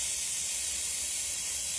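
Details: Root canal irrigation of a traumatized upper front tooth (tooth 8) in a 10-year-old girl with pulp exposure, irreversible pulpitis signs and an open apex; a steady high-pitched hiss of 6% sodium hypochlorite flushed through the canal.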